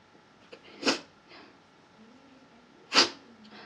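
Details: Sneezing after red chili powder was put in the nose, with eyes watering and the nose burning: two sharp, explosive sneezes about two seconds apart in a quiet room.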